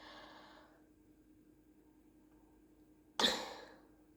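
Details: French-speaking adult recording late at night, voice still affected after a recent illness: a soft breath, a pause, then one sudden explosive burst of air that fades quickly; a single sneeze.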